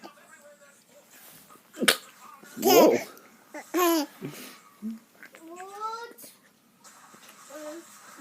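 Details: Adult man (father) with hiccups: sharp, abrupt hiccup-like catch, followed by bursts of an infant girl's squealing laughter in a small room.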